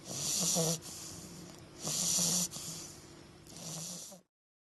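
Three loud, rough, fluttering snores in a slow rhythm, about one every two seconds: snoring from a sleeping bulldog.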